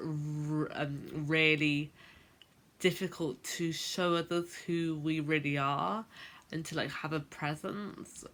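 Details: Adult woman who has stammered since about age 10, a late onset; stuttering (stammering).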